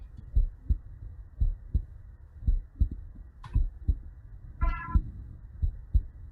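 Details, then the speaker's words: Normal heart sounds in sinus rhythm heard by stethoscope on the chest: regular paired lub-dub at about 56 beats per minute. "just place it in your chest and the location and just try to hear this it is the normal sinus uh there is the normal heart sound uh see whether you are here you can just test that whether your your heart is beating like that as well"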